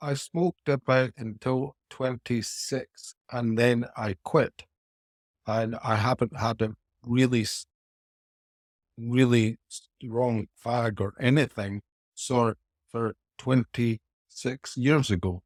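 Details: Aphasia after a haemorrhagic stroke at age 49 in a male businessman, about four years earlier, following four years of rehabilitation; speech impairment persists and remains inconsistent.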